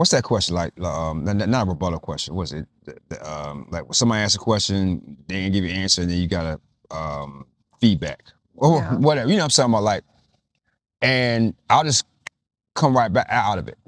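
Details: Stuttering in an adult man with a stammer that was severe in childhood and persists now, especially when asking a written-down question; it improved after being taught to slow down and breathe.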